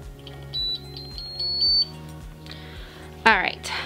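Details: High electronic beeps from a Kangaroo enteral feeding pump powering on after the set is loaded, with a brief button click or voice burst; feeding pump power-on beep.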